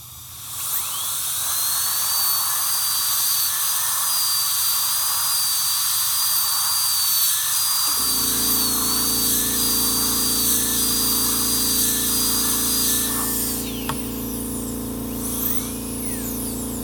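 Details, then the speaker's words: Steady high-pitched whine of a high-speed dental handpiece, then lower machine hum, while lowering the margin and reducing the incisal edge to about 2 mm during preparation of tooth 1 for a PFM crown; dental drill. "Okay, we lower down the margin, and then I will reduce the incisal part to almost almost 2 mm."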